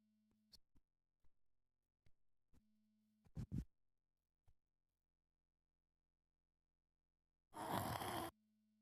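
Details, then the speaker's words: A young boy, the narrator's little brother, snoring while asleep. "Сейчас мы слушаем, как храпит мой братик."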